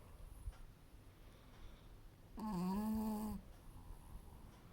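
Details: Sleeping female dog snoring: a single drawn-out, tonal, rumbling snore against quiet room noise.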